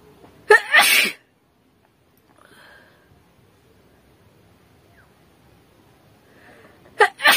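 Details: Deliberately acted sneezing in a sneezing and nose-blowing challenge: two loud, explosive sneezes separated by quiet breathing.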